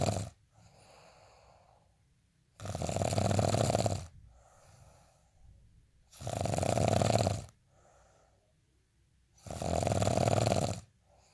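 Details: Heavy adult snoring: three loud, harsh, rumbling snores on the in-breaths, about every 3.5 seconds, with soft airy out-breaths between.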